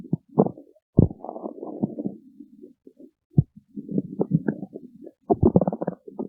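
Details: A person's stomach growling: low gurgling rumbles and squelching bursts with short pauses; ordinary borborygmi.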